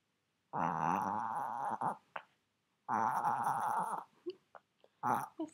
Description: Belle the maltese is having an inverted sneeze or sounds like an asthma attack best way for you to sooth them.